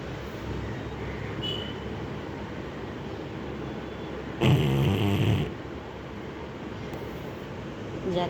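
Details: A dog gives one loud, low, rumbling snore about a second long over a steady background hum: snoring.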